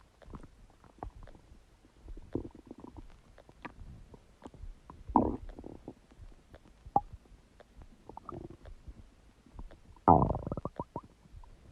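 Irregular bubbling gurgles and squelching pops, with louder rumbling bursts around five and ten seconds: ordinary stomach gurgling (borborygmi) from gas and fluid moving through the gut.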